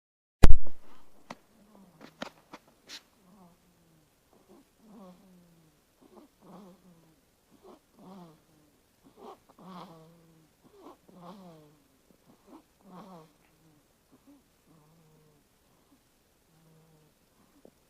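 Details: Snoring at 4 weeks: soft, regular, low purring snores with each breath in a quiet room, after a brief loud knock at the start: gentle snoring.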